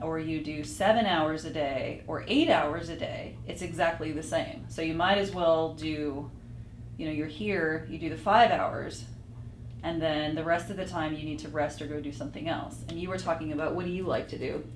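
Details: Adult woman; normal speech.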